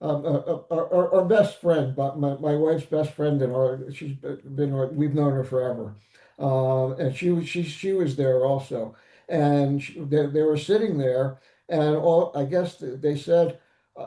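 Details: Aphasia after stroke, present about eight years, in an adult male survivor (older father of an adult son).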